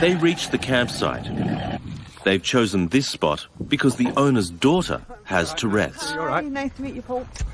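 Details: Adult male narrator; normal fluent speech.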